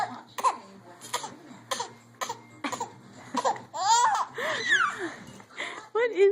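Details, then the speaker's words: An infant who has just learned to cough makes repeated short, deliberate fake coughs mixed with giggles and babbling. "Is it funny to cough? You just learned that you can cough."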